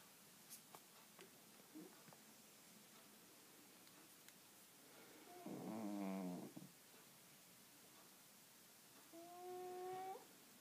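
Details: Soft, buzzy, slightly whistling snores from a sleeping Siamese cat in a quiet room; cat snoring.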